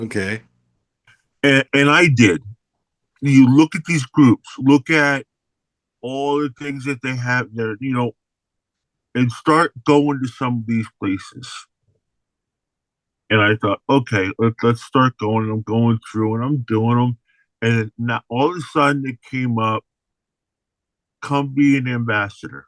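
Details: Adult man with aphasia after an unexpected stroke in May 2022, hospitalized for about three to four months, describing his recovery: aphasia.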